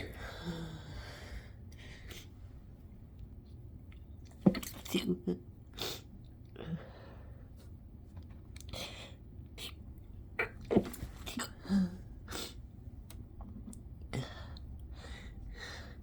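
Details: Sneezes stifled with the nose pinched until no longer possible: several muffled, held-back sneezes in two clusters with short catching breaths between, in a quiet room; stifled sneezing.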